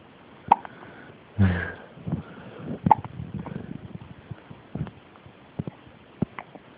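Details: Hiccups in an infant: muffled repeated brief sharp clicks and catches at irregular intervals, with faint rustling.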